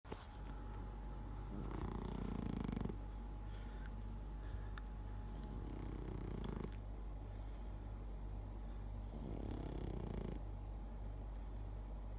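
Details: Pekingese dog snoring: soft, rough snoring breaths about every four seconds over steady low hum and room noise.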